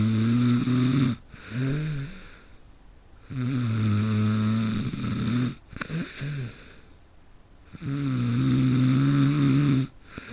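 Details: A person who fell asleep mid-game, snoring heavily: loud, deep, rattling snores on each breath in, with quieter breaths out between, about 14 breaths a minute.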